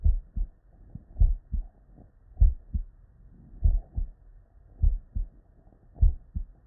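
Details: Normal heart sounds (S1 and S2): real, unedited bedside recordings from patients with normal cardiac physiology.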